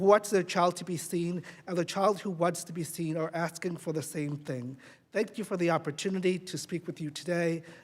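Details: Adult speaker; normal voice.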